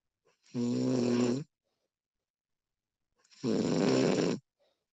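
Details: Woman snoring during sleep, professionally recorded: two loud, rattling inspiratory snores about three seconds apart, separated by silence; ordinary snoring.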